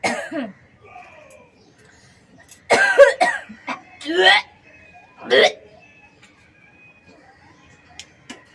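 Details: Morning hawking and coughing: several harsh, wet coughs and forceful throat-clearing hawks bringing up thick phlegm in a quiet room; productive cough with throat clearing.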